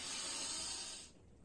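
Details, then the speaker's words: Carvallo maneuver during cardiac auscultation: the patient takes one steady, airy deep inspiration lasting about a second, then quiet, to raise right-heart venous return and accentuate heart sounds. "en el foco tricúspide esta maniobra consiste en que nuestro paciente realice una inspiración profunda para que para poder así permitir el mayor retorno venoso a nivel del corazón derecho aumentando así la presencia de los ruidos cardiacos"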